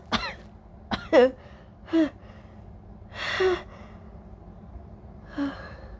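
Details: Several short coughs with throat clearing and a breathy exhale between them, during a bout of four big sneezes coaxed out with a tissue after the person woke from sleep with a sneeze building.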